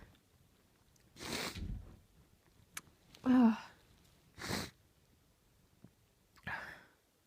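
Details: Female, four uncovered sneezes in a quiet room, each a quick indrawn build-up followed by a loud explosive burst; powerful sneezing.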